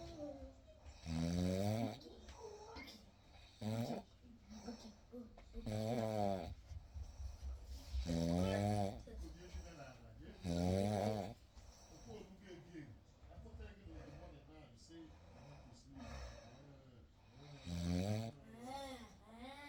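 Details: Real night recording: slow, rough snores every few seconds, with faint room noise and quiet talk in the background; ordinary snoring.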